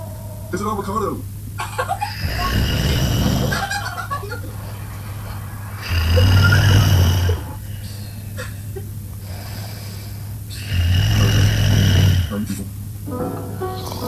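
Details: Female asleep, snoring and yawning while sleeping: long, low rumbling snores at roughly 5-second intervals, with talk in the background. Snoring during sleep.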